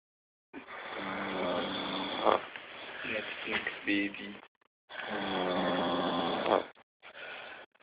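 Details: Snoring recorded on an Android phone: long, coarse, rattling snores of about two seconds each, with brief gaps, sounding thin and muffled.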